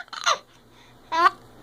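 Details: 4-month-old baby boy with hiccups while trying to laugh.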